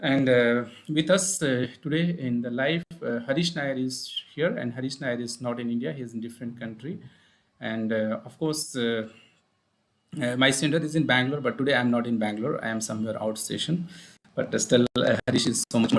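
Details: Adult man speaking; Normal speech.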